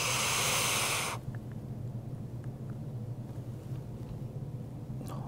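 About one second of strong airy hiss from a deep, steady inhalation through a dry powder inhaler, then quiet during the breath hold.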